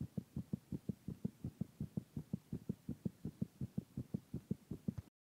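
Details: Fast, regular low thumping heartbeat, roughly 165 beats a minute, from a drunk male friend at night after a party: rapid heartbeat after alcohol intake.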